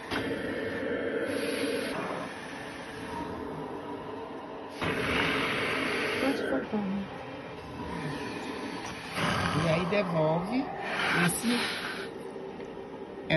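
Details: Physiotherapist using a mechanical insufflation-exsufflation (cough assist) machine on a patient with a tracheostomy to remove secretions: rushing, hissing airflow surges alternating push and pull.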